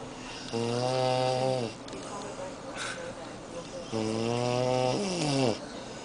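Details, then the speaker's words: Snoring from a man in Las Vegas, loud enough to keep a listener awake for an hour. "It's been 1 hour and I can't fucking go to sleep because of this shit."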